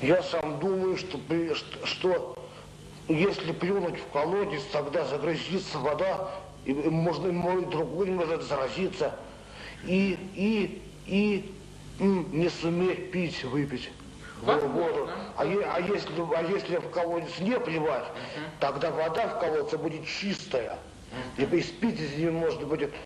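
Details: Adult male with mild intellectual disability (debility) in a 1995 psychiatric interview, real patient, giving a concrete, literal proverb interpretation typical of debility; speech disorder in mild intellectual disability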